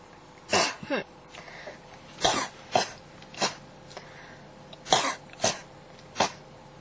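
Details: Persistent, non-stop cough (ASMR recording): about eight dry cough bursts in under seven seconds, some paired, over a faint steady hum.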